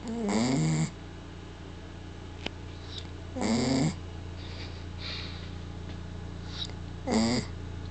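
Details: Female dog sleeping with tongue out, raspy, slightly whistling snores on each breath, about 18 per minute, over low room hum; snoring.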